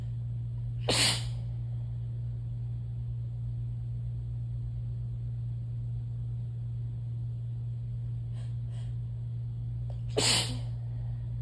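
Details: Two sudden, forceful wet sneezes about nine seconds apart over a steady low room hum, during a day of frequent sneezing; explosive sneezing.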